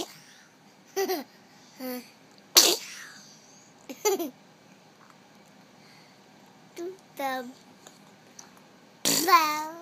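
An infant sneezes sharply, with short voiced squeals and coos between the bursts.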